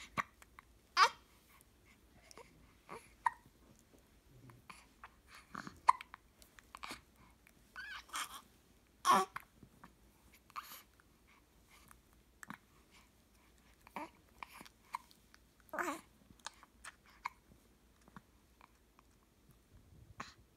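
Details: Baby girl with hiccups: soft, short catches of breath recurring between quiet babbling and breathing in a quiet room; infant hiccups.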